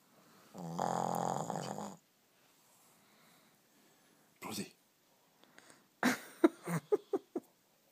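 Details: Sleeping Shih Tzu dog: a long rattling snore, then a snort and short snuffling bursts, with faint talk in the room; snoring.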